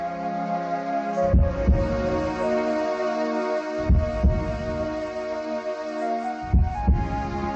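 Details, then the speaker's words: Human heartbeat in a Spanish cardiovascular anatomy and physiology lesson noting the natural pacemaker fires about one impulse per second at rest: slow, paired lub-dub thumps repeating over background music. "algunas células del corazón pueden estimularse a sí mismas en la aurícula derecha se encuentra el marcapasos natural del corazón que en reposo genera aproximadamente un impulso por segundo"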